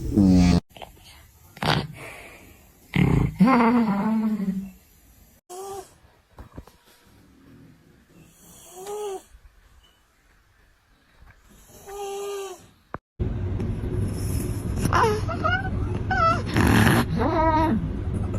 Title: A cat that snores like a human #funny #youtube #funnyvideo #foryou